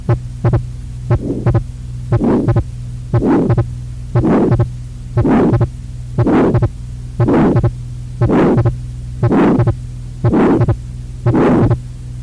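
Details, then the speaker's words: Lecture auscultation example of congenital heart disease: regular heartbeat about 59 a minute, each beat followed by a short harsh whooshing sound, a systolic ejection murmur as in pulmonary or aortic stenosis. "You just heard systolic ejection murmur. The louder the murmur is, more severe pulmonary stenosis or aortic stenosis."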